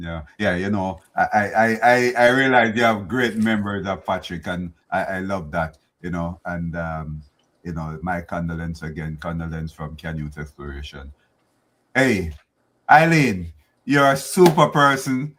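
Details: Adult man speaking; ordinary speech.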